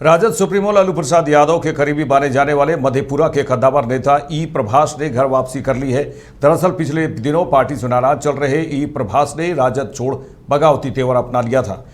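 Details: Adult male news narrator; normal speech.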